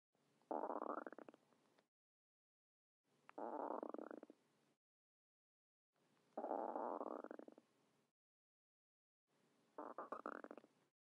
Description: The sound effect of a persons stomach gurgling and growling. This is a good upset stomach sound effect or digestion sound effect.